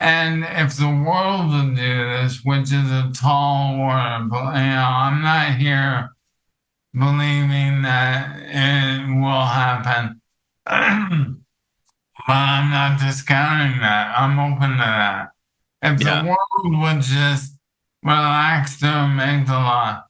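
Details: Adult man with ALS affecting his vocal cords, making long talking difficult and reducing speech clarity; dysarthria (ALS).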